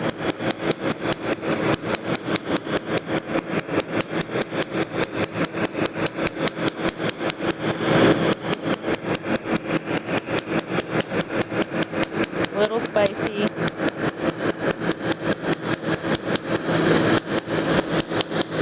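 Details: Laser tattoo removal on an adult's chest piece (tattooed since 2011), first session: rapid regular clicking pulses, about 146 a minute, over a steady machine hum from the laser device firing.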